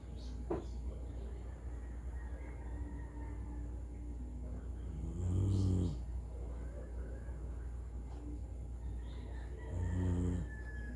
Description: A dog from Bulacan was caught snoring like a human